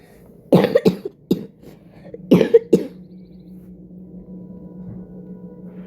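Two bursts of harsh coughing, about five coughs in all, followed by quiet room noise; an ordinary cough from someone unwell.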